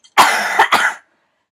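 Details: Adult with a cough from a throat virus the previous week gives a rough, harsh cough of about three bursts run together within a second; cough.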